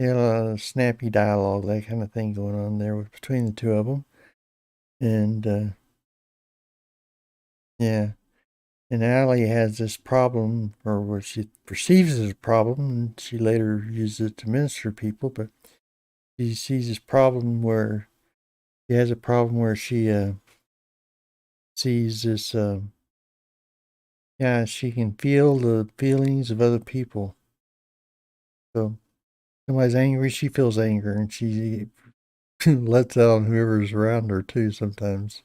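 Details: Hypokinetic dysarthria in an adult man with Parkinson's disease for a little over 10 years, treated with deep brain stimulation since 2017; he reports his voice is less clear than in earlier years.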